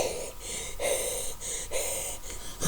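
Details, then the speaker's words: Several noisy, rough, wheezy, congested breaths from a person with moderate flu and acute bronchitis who reports phlegmy, deep coughing and feeling more congested; wheezy breathing. "So that is why my coughs have been sounding so phlegmy and so lovely, and how I kind of sound a little bit more congested than Donny, in my opinion."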